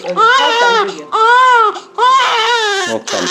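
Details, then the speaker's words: Newborn crying while being bathed in water: three long, rising-falling wails with brief gasps between; ordinary, natural newborn crying, common during bathing. "그것 은 자연 스러운 울음 소리 입니다 . 내 가 우는 건 내 가 서툴러서 가 아니야 . 그들 은 대개 운다 ."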